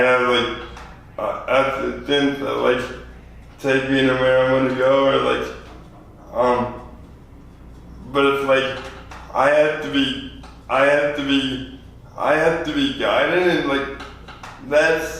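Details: 24-year-old man with lifelong spastic quadriplegic cerebral palsy after premature birth at 2 lb 4 oz; dysarthria.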